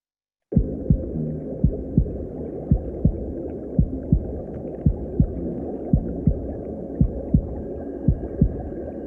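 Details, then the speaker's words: Recording of a mother's heartbeat as heard by the unborn child in the womb, played during a meditation: steady muffled double thumps at about 56 a minute over a low whooshing hum. "And I'm going to play the sounds of a mother's heartbeat and what it sounds like in the womb to her unborn child."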